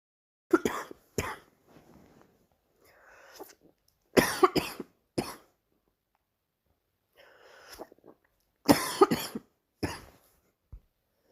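Three bouts of short harsh coughs, about nine coughs in all, with quiet breaths between bouts.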